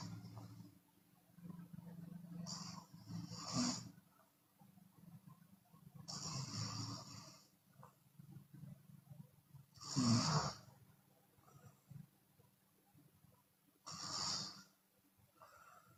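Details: Soft, irregular open-mouth snoring from a Chinese woman during sleep, with occasional exhale snoring: breathy, airy exhales and low rumbling between them, over a faint steady room hum.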